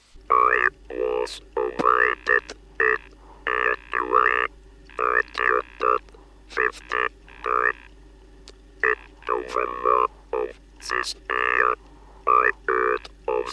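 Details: 1964 recording demonstrating artificial voice after removal of the larynx: electrolarynx speech.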